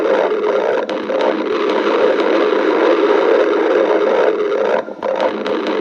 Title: Pica stomach growling 7